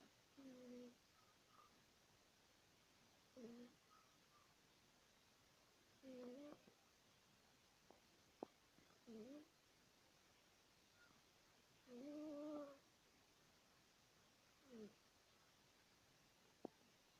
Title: cat's snore